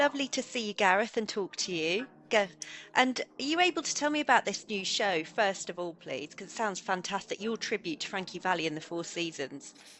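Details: Adult woman speaking; typical speech.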